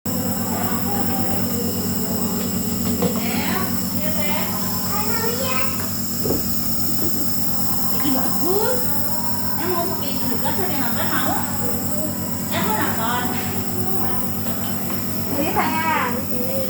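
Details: Steady low mechanical drone of a running nebulizer compressor while a child with cough and cold gets a nebulizer treatment, child and adult talking over it.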